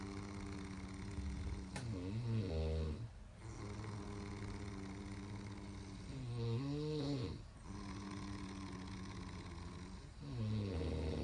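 Low, rumbling snores rise and fall on each breath, about 14 a minute, against a steady room hum.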